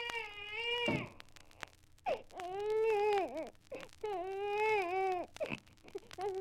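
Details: Archival sound-effect recording digitized from a 78 rpm record: the irritated cry of a baby, as if rudely awakened, forced to eat, or frightened by an explosion.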